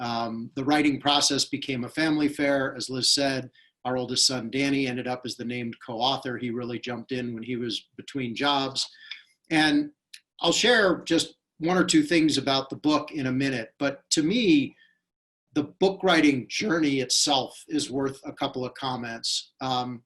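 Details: Adult male speaker; normal speech.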